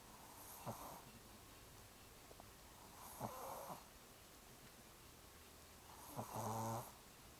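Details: Sleeping and snoring: three rattling snores about three seconds apart, the last longest and loudest, over quiet room noise.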